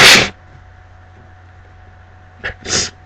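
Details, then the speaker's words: A loud sneeze, then a quick in-breath and a second sneeze in a quiet room while reading aloud beside a cat. The person is very allergic to cats: repeated allergic sneezing. "Um um my cat is here. Oh, come let me show you. Oh, and I'm very allergic to cats."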